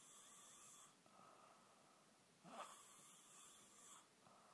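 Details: Quiet snoring with a high whistling edge on each breath, repeating about every three seconds.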